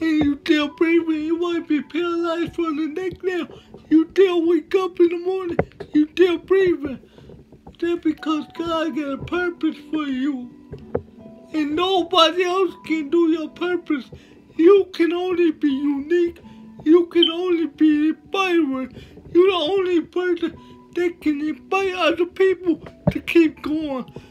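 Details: Man with cerebral palsy speaking with slurred speech that is hard to understand: dysarthria due to cerebral palsy.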